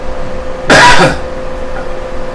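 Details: FEES (flexible endoscopic evaluation of swallowing) recording: laryngeal penetration with both liquid (water) and solid (cracker) boluses; a single forceful cough clears water that entered the airway entrance during swallowing, a protective response to laryngeal penetration.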